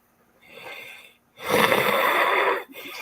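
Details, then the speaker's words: Deliberate breath in and a loud, rough breath out with a wet, gurgling quality, attributed to liquid in the lungs present since choking on a drink that went down the wrong pipe; voice also rough. "anyway there's water gurgling in my lungs it's been like that for almost ever since I choked on something"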